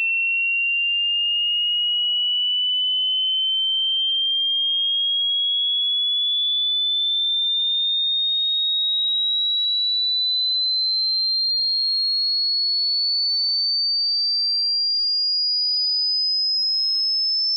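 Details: Tinnitus pitch-matching frequency sweep: generated pure tones stepping upward in pitch, from the lowest audible toward the highest, for matching tinnitus pitch.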